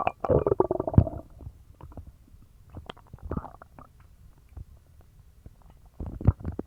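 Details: Low rumbling and bubbling stomach gurgles in bursts, loudest at start and end, from a person with a bellyache and loose bowels after eating dog treats: active bowel sounds, stomach growling.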